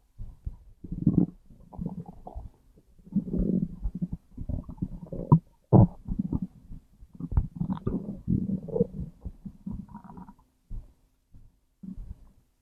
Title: Stomach growl #1